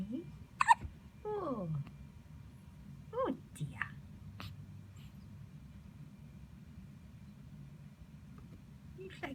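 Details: Brief high squeaky catches a few seconds apart from a baby about one week old, with quiet talk in a small room; hiccups.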